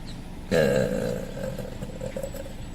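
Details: Woman: one long, loud, rumbling belch lasting about two seconds, in a quiet room; burping.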